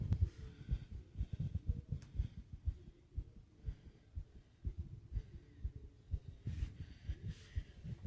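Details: Fast heartbeat with heavy breathing: rapid low thumping at about 120 beats a minute, with a faint breath-like hiss in places.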